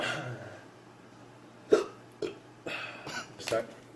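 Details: Hiccups after the One Chip Challenge: several short, abrupt catches of breath at irregular intervals, with faint room noise.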